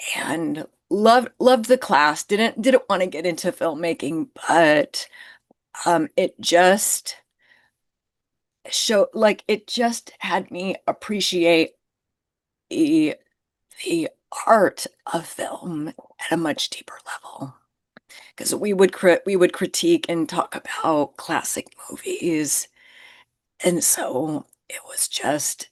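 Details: Adult woman with spasmodic dysphonia, which she calls a neurological condition. It is long-standing enough that talking this way has become her normal, and people often can't understand her on the phone; spasmodic dysphonia.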